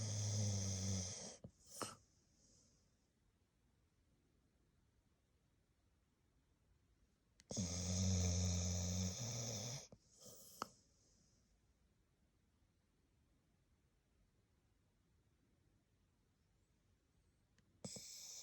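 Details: Sleeping blue Staffordshire bull terrier snoring: loud, rattling snores on inhalation, a few seconds apart, with quiet pauses between.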